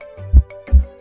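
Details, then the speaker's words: Two low thumps in a lub-dub pair over soft background music: normal heart sounds, S1 from mitral and tricuspid closure, S2 from aortic and pulmonary closure, healthy regular rhythm. "Kombinasi dua suara ini menciptakan irama jantung yang sehat dan teratur."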